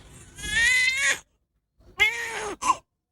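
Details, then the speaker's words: Infant crying in two loud, high-pitched wails with a brief voiced catch on the inhale, described as light vocal fold closure on the in-breath and cries driven by diaphragm support. "First of all, we're going to listen to this baby cry. Take note of what's happening in the baby's torso when this baby is crying."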